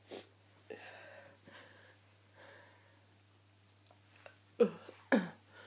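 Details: Person with hay fever and a cold in sneezing fits: several soft breathy inhalations build up, then two sharp, explosive sneezes in quick succession.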